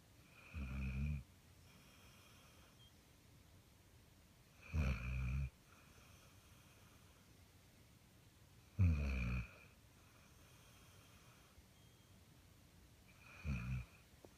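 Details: Sleeping dog: four low, rumbling snores several seconds apart in a quiet room, about 15 a minute; ordinary snoring.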